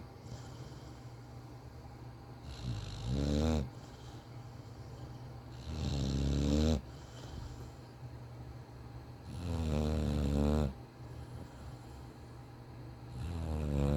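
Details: Loud rattling snores with each breath, about 18 a minute, soft room hum between: snoring in a sleeping bulldog puppy.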